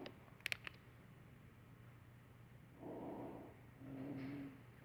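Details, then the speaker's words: Simulated lung sounds on a mannequin of community-acquired pneumonia (CAP), played in a series of adventitious breath sounds. "Plural rub. Pneumonia."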